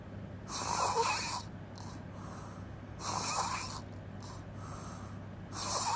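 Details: Loud, harsh, airy open-mouth snores about every two and a half seconds, with softer puffing breaths between them: snoring.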